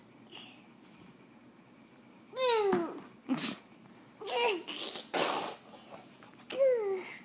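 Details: Toddler laughing and babbling while playing with a bowl worn as a hat, with two sharp, noisy bursts like small sneezes; an ordinary sneeze.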